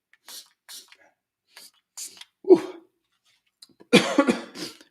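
Several short breathy coughs, then a harsher cough and throat clearing. This is a reflex cough as mucus drains down the throat after a nasal spray.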